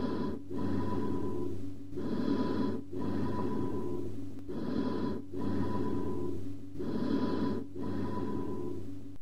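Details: Amphoric bronchial breathing over a lung cavity or pneumothorax communicating with a bronchus: loud, hollow breaths with a metallic ring and a clear pause between in and out breaths; stethoscope teaching recording.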